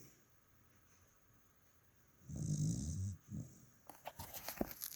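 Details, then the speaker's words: Dog in bed snoring: quiet room, then a low rumbling snore-like breath, followed by rustling. "okay we are in bed and we here since morning and it's not coming from me abroad it is coming from yours truly"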